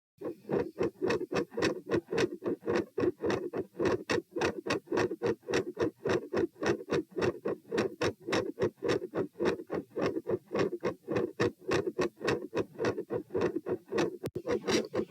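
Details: Heart sounds recorded at position P while standing, comparing two tests; steady, regular paired heart sounds at about 107 beats a minute, a normal standing heartbeat.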